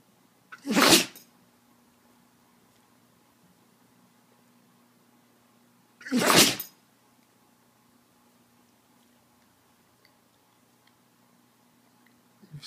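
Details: Two sharp, hissing sneeze bursts about five seconds apart with quiet room noise between: dog sneezing.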